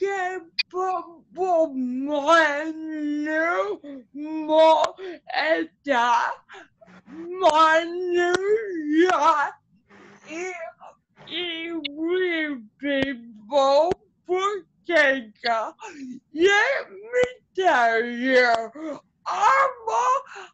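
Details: Adult woman with cerebral palsy whose muscles get tighter when she gets excited, making her speech harder to follow; dysarthria (cerebral palsy).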